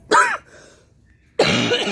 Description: i want to first apologize for all the coughing, just recovering from another asthma attack-dr wants to take a chest xray i guess.